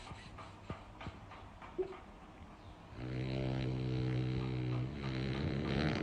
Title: DOGS snoring - try not to laugh 😂😂